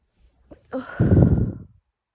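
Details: Morning sneezes while trying to stifle them: a brief sharp intake of breath, then a muffled, held-back burst of air, one stifled sneeze.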